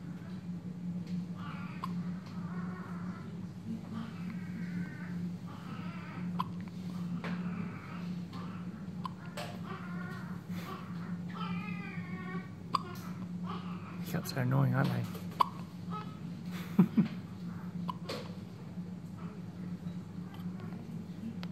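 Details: Newborn baby on the night of birth with hiccups: soft infant noises over a steady room hum, with a few short, abrupt hiccup catches.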